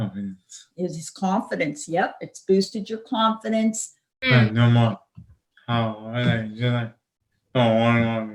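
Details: 31-year-old man with non-fluent (Broca's) aphasia, apraxia of speech and dysarthria from a traumatic brain injury in a 2016 car accident, with word-finding difficulty; finding: non-fluent aphasia with apraxia of speech and dysarthria.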